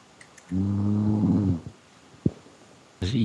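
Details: One deep, buzzing snore about a second long, then a short snort, from a sleeping pet: snoring.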